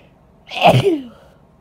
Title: Induced Cold Sneezes (F)